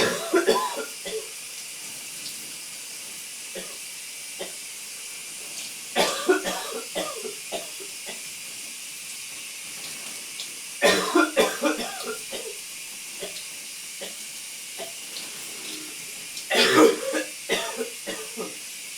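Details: Male coughing in a steamy shower: repeated clusters of wet, loose productive-sounding coughs and throat clearing over the steady hiss of running water.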